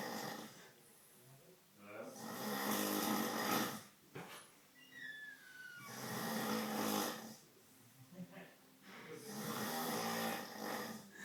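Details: Bearded adult man snoring heavily in sleep: loud, rough, rattling snores about every four seconds, with noisy breaths between.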